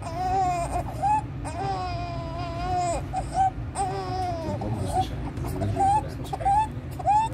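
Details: Inspiratory stridor in a 15-day-old full-term baby with suprasternal and intercostal retractions, severe chest indrawing and desaturation, increased with crying and feeding; case listing congenital laryngomalacia, laryngeal nerve palsy, vascular ring as causes.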